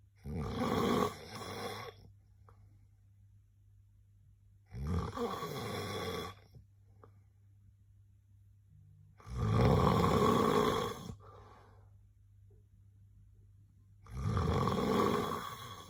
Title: SNORE SOUND | SNORING SOUND | HILIK SOUND #shorts